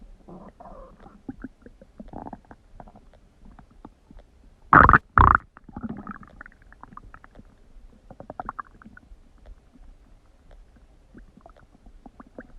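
Low gurgling rumbles with a pair of loud bubbling bursts midway; stomach rumbling from gas and fluid moving through the gut, a normal finding.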